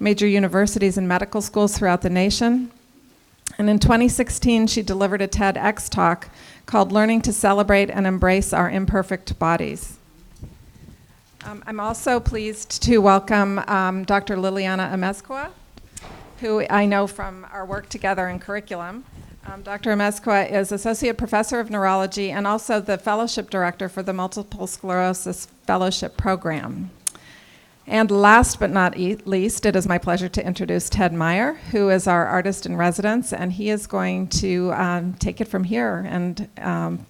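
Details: Adult woman; normal speech.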